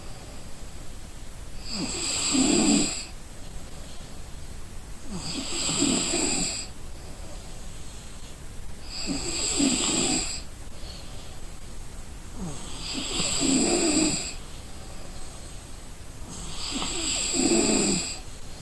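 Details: Exhausted person asleep gives loud, rattling snores on each in-breath, about 16 a minute, with quiet out-breaths between; snoring.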